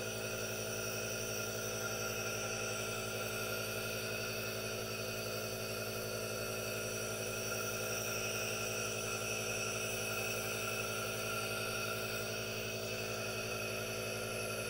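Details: Aerosol nebulizer running normally for a no-talking ASMR relaxation recording with hand movements: steady hissing hum, no talking.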